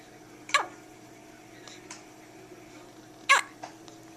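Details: Newborn baby girl a few hours old with her first hiccups, sounding like a little puppy: two sharp, brief catches of breath about three seconds apart, with faint room noise between.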